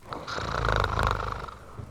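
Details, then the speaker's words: Snoring in an Air Force basic-training barracks before reveille: a single rough, buzzing inhaled snore from a sleeping adult recruit, rising and fading over about two seconds. "are the sounds of a barracks asleep in the pre-revelly darkness of early morning the snore a muffled cough and the squeak of an air force bunk spring"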